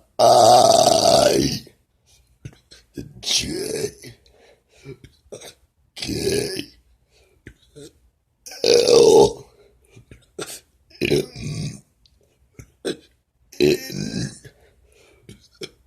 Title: Burping the ABC